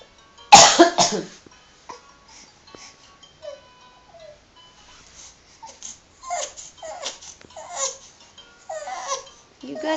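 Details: Cough that startled a listener: a sudden cough.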